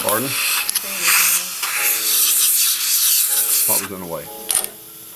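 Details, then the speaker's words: High-speed dental drill with a number one bur cutting through the crown of a lower left first molar to remove it before redoing a failed root canal: loud high-pitched whine and grinding. "so the first step is I take a number one highspeed bar and index it and uh then I go back and vertically that bir kind of wants to dance around a little bit but"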